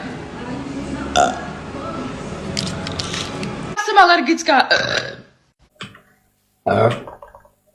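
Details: A compilation of girls burping: room noise, then a loud, drawn-out burp rising and falling in pitch, followed by two brief short burps; burping.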